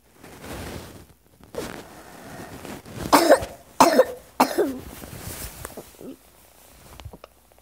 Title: Another cycle of cough and difficulty breathing